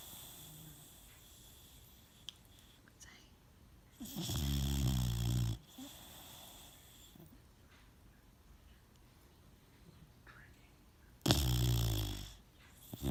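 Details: Sleeping Boxer puppy gives two loud rattling snores about seven seconds apart with quiet breathing between: snoring.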